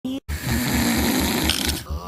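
Loud, rough, fluttering snore on the breath in, with rhythmic low rattling vibration.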